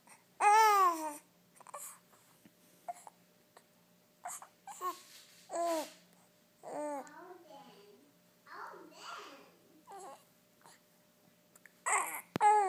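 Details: Infant during tummy time makes soft, high-pitched cooing and babbling, the normal vowel-like vocal play of early infancy, with hiccups also mentioned.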